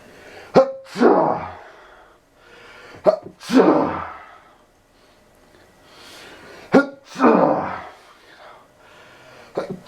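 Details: Repeated sneezing that can't be stopped: three forceful sneezes in quick succession, each a sharp catch then a noisy blast, a fourth beginning at the end.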